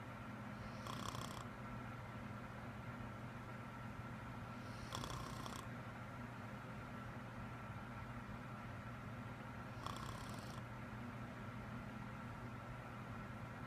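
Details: Adult woman asleep with a persistent, serious loud snoring problem of unknown cause: low rumbling noise with short rasping snores about every four to five seconds over steady room hum.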